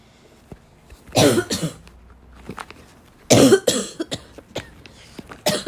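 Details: Barking cough in a girl: two harsh, dry cough bouts with short bursts and throat clearing between.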